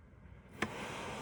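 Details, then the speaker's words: A heated-humidifier CPAP machine used for diagnosed sleep apnea clicks on, then a steady rushing hiss of a huge air leak comes from an unsealed mask, which stops once the mask is fitted properly. "And you hear the beautiful noise. Obviously, CPAP machine that is having a huge air leak. So, once you put it properly, it just it will stop."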